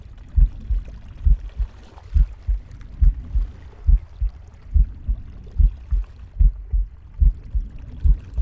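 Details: Pig's normal heartbeat: regular low thumping at about 70 per minute, with soft breathing and gurgling stomach sounds.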